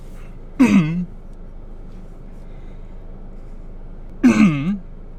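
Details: Adult man having a mild asthma attack, with coughing and shortness of breath triggered by talking, gives two short voiced throat-clearing coughs; no wheeze heard.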